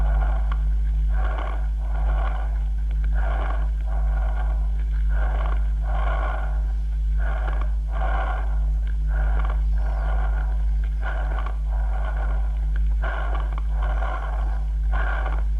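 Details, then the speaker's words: Bronchial (tubular) breathing over consolidated lung, as in pneumonia, produced at the glottis and transmitted through the consolidation: loud, hollow, harsh blowing breath sounds in repeated bursts over the chest. "no hay que olvidar que el soplo se produce en la glotis y se transmite a la zona condensada escuchemos lo de nuevo"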